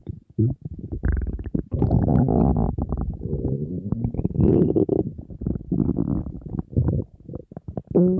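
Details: Empty stomach of a hungry person on a diet, in front of food: loud, nearly continuous low growling and gurgling with brief pauses. Borborygmi, normal hunger bowel sound.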